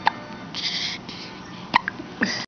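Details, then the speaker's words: Infant girl with hiccups: brief, sharp hiccup sounds with quiet breathing and room noise between them. "You got the hiccups."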